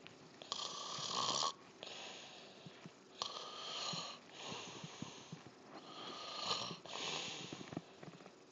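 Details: Snoring that ended with a slap: steady rhythmic snoring, about 23 breaths a minute, each a harsh fluttering rasp on the in-breath, softer on the out-breath.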